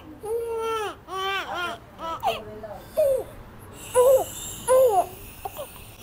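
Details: Baby girl just after ear piercing: repeated high-pitched crying bursts with sobbing breaths between wails, as adults comfort her; an infant crying in pain or distress.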